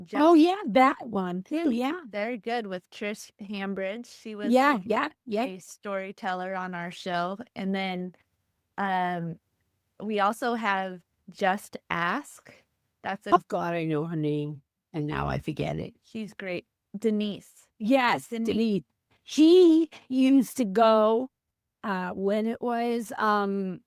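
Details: Female teacher with aphasia after a stroke on January 28, 2010; she could not speak at all for three months and is now 15 years post-stroke; aphasia.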